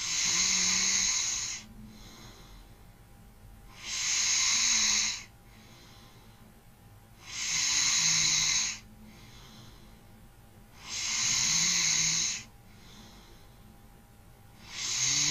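Loud, rhythmic snoring on each breath, about 16 breaths a minute, with quieter airy exhalations between snores.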